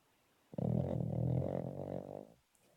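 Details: Female rescue Cavalier asleep on a sofa, snoring hard enough to make it vibrate: a single low, rumbling, fluttering snore.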